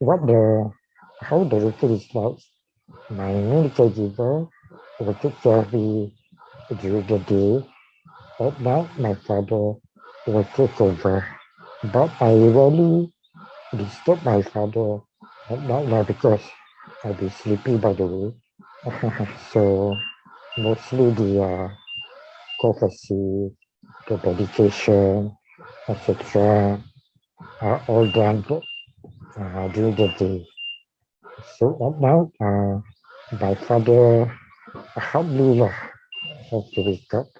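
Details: Dysarthria in a man with ALS/motor neuron disease diagnosed in 2018, tracheostomised late the previous year and ventilator-dependent, using leak speech around the tracheostomy while on the ventilator and needing suctioning between talking.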